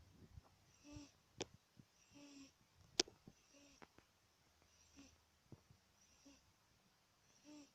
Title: My cat, snoring